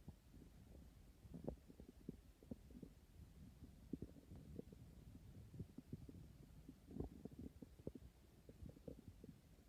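Low, irregular gurgling and bubbling rumbles continuing throughout, typical of a growling hungry stomach.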